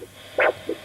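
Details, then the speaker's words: Simple handheld Doppler ultrasound probe with gel, aligned along a blood vessel on a person; a brief whoosh, one for each heartbeat, from pulsing blood flow. "whoosing sound whooing sound and there's one whoosh for each of your heartbeats"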